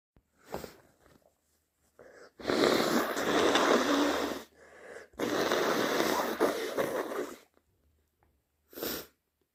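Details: Two long, loud, wet nose blows with short sniffs and snorts around them; no clear sneeze burst heard.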